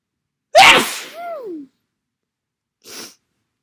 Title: Massive, wet cold sneezes